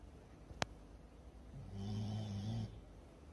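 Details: Sleeping dog snoring: a sharp click, then a single low, rough, droning breath lasting about a second against quiet room noise; dog snoring.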